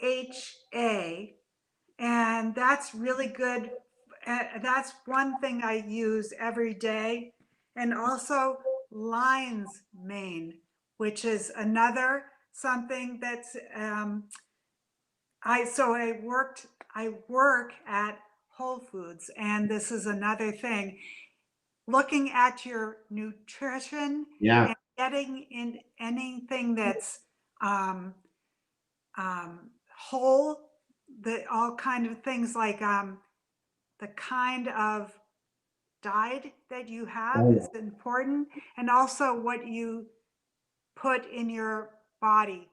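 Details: Adult woman with aphasia after a stroke from a brain AVM about three to four years earlier, still in speech therapy: aphasia (word-finding difficulty).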